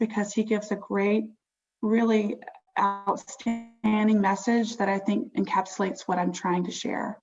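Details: Stuttering in a girl, who describes it as holding a word for a few seconds or repeating a word a couple of times.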